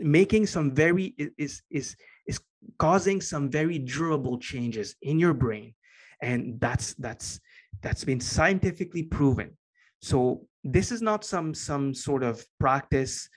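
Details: Adult man with a lifelong stutter he has had as long as he can remember; after many years of meditation practice he has more control over it and says it is now barely audible; stuttering.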